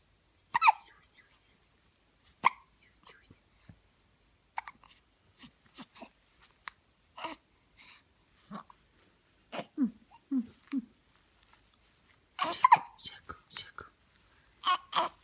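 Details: Infant with soft, brief toy-like hiccups at irregular intervals with quiet breathing between them; baby hiccups.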